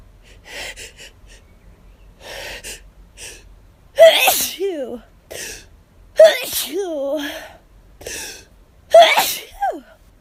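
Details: Hay fever sufferer out of medication, itchy and lightheaded: rapid, intense sneezing, three loud explosive voiced 'achoo' sneezes with sharp indrawn breaths, one every two to three seconds.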